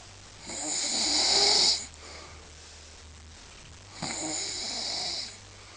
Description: snoring